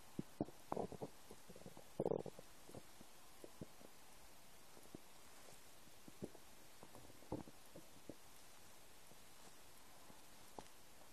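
Quiet gurgles, pops and short rumbles from an empty stomach: ordinary bowel sounds.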